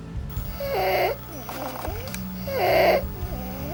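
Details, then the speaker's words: Child with laryngitis (croup): harsh, high-pitched crowing stridor on each breath in, with a softer noise breathing out, as stridor can occur on both phases in more advanced laryngitis. "normalmente el estriado suele producirse en la inspiración es decir cuando el niño toma aire lo que pasa que en cuadros un poquito más avanzado sobre una laringitis un poquito más importante puede ser tanto en la espiración como en la aspiración como habéis oído"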